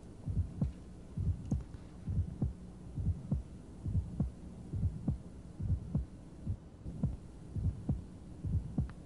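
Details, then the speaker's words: Heard at the apex in left lateral decubitus position, best with the diaphragm; heartbeat about 67/min with a crisp high-frequency aortic ejection sound just after S1, following the QRS. "you'll note the cadence is very similar but it's a high frequency sound and if you watch the QRS the extra sound occurs after the QRS"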